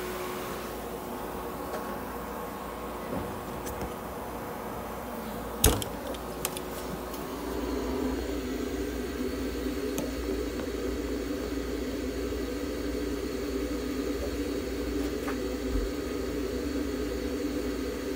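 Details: Budgerigar under veterinary treatment in an ICU incubator: steady low machine hum with faint tone, then after a click a fan or pump grows louder; warmed, humidified oxygen therapy running.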